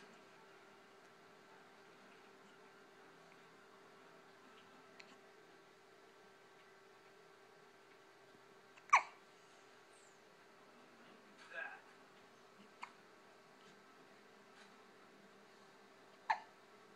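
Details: A pet cat hiccups three times, with faint clicks between, in a quiet room with a low hum.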